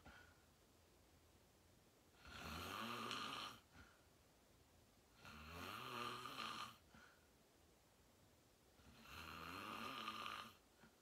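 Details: Adult in deep sleep after falling asleep fast around 8:45: three long, loud, harsh snores with a buzzing edge, about 18 breaths a minute, quiet between them; loud snoring.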